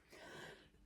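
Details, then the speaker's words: A single brief, soft cough from an adult who says they still have a bit of a cough but feel much better; a short noisy burst in a quiet room. "I've still, as you can hear, got a bit of a cough. I'm feeling very much better than I have been."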